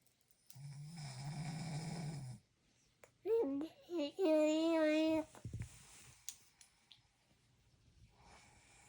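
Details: Father snoring while his daughter eats rice puff snacks: a long, low, rough snore on an inward breath, then a child's voice and quiet room sounds.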